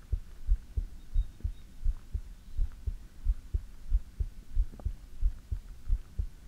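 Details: Steady, soft lub-dub heartbeat at about 90 beats a minute with a low hum behind it, recorded for ASMR; a normal heartbeat.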